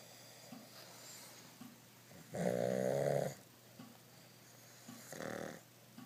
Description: Two Pugs snore louder than the Three Stooges.